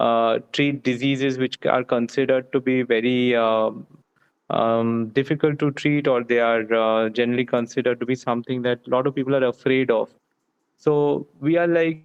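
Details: Adult male speaker; no speech disorder.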